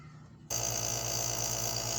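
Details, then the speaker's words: Nebulizer compressor that previously produced no mist, running after repair: quiet room, then steady loud buzzing hum and hiss as it switches on, now producing strong mist. "So ayun, umuusok na oh. Ayan oh, ang lakas ng usok oh. So okay na yan."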